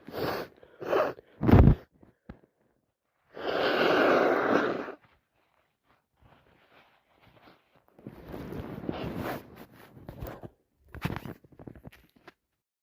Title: It's official I've caught my bosses cold and can't stop sneezing and sniffing #achoo #cold